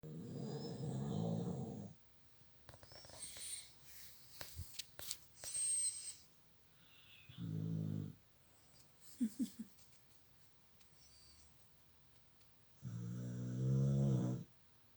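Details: Snoring during sleep: loud, rough, low snoring breaths at long intervals, three strong snores with quiet rustling between.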